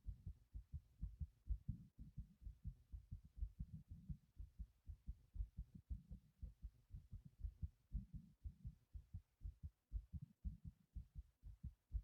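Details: Heart pumping after lifting a heavy object; fast, strong, deep heart thumps in a steady rhythm: rapid heartbeat after exertion.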